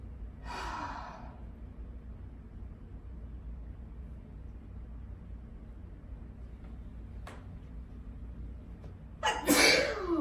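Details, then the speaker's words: Single sneeze from a person who has just got home and is counting repeated sneezes: a brief breathy intake, a quiet pause with room hum, then a sudden loud explosive burst. "I just got home. And I'm gonna see how many times I sneeze."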